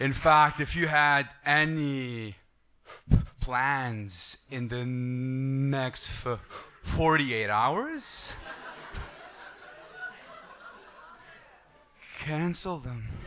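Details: Adult male who stutters and uses a breathing technique to control it; some words flow, others get stuck, no stuttering when singing; stuttering.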